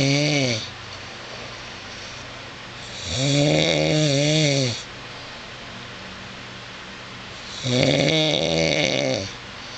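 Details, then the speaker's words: Adult man (husband) snoring during sleep at 2:24 a.m.: loud, drawn-out rasping breaths with a tonal buzz, about 14 a minute, with quiet gaps between. Snoring. "I was sound asleep and it came in there started soring it is 2:24 in the morning and this is what it sounds like"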